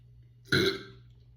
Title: Beer chug and burps